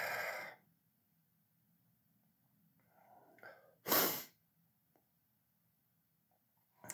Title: Man sneezing